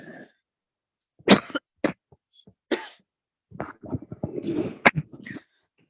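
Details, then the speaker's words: Adult with chronic laryngitis (vocal cord problem, changed voice, on medication) coughing while teaching: three short, harsh coughs, then a longer run of rough throat clearing. "Actually, I'm not sick. I am having মানে chronic laryngitis problem. হ্যাঁ, আমার vocal কর্ডে একটা issue আছে।"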